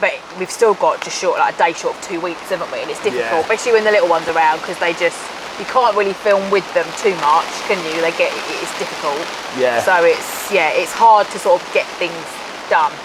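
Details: Adult speaker; plain speech.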